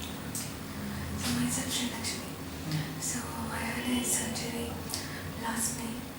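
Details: 30-year-old woman, pre-voice-therapy sample, voice change for several months from left vocal cord paralysis after thyroid surgery; unable to speak loudly, needs breaths to complete sentences; dysphonia from left vocal cord paralysis.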